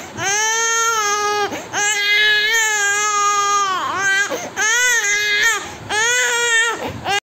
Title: Crying Baby ❤️❤️❤️😭😭😭😭